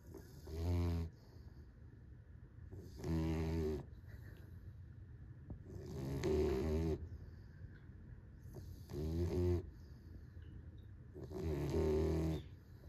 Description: My dog snores like a grown man tell me if im lying